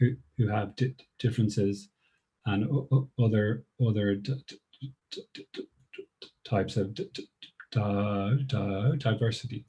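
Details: Woman who describes herself as a person who stammers; part-word and whole-word repetitions heard; stammering (stuttering).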